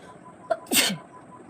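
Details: A woman tickles her nose with a twisted saree end to provoke sneezes: a brief inward catch, then one loud, explosive sneeze, one of fifteen in a nose-sneezing challenge.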